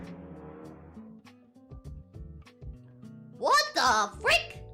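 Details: Background music, then three sharp, voiced bursts in quick succession, consistent with a rapid series of sneezes; sneeze.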